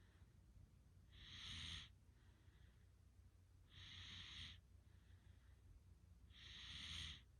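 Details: Snoring: three noisy, hissing breaths with a faint low rumble, about 23 a minute.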